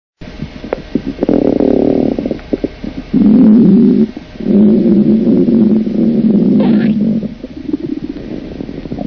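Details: Loud, long, low gurgling and rumbling with bubbly crackle in between from an adult woman's abdomen: stomach growling (borborygmi), a normal sound of gut movement.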